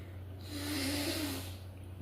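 A single rough, rattling snore-like breath rises and fades over a steady low electrical hum.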